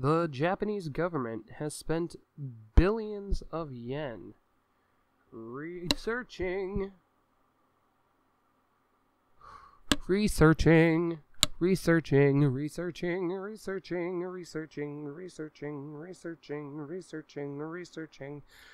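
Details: Adult male with Tourette syndrome repeating a word many times while reading a card: palilalia (vocal tic, Tourette syndrome).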